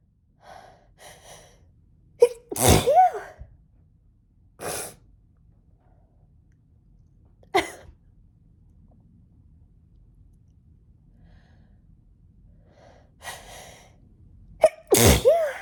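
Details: Intense, itchy sneezing fit: repeated forceful sneezes, each led by a quick catching inhale, with a buzzing nose and watery eyes and nose.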